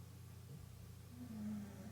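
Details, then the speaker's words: Pet dog snoring in the background of a room, described as a very snoring dog. "you can hear any snoring tis the dog and not the mrs um i have to state that now we have a very snoring dog"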